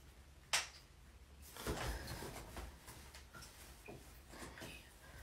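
A single sharp pop followed by a few fainter clicks and rustling, typical of joint cracking.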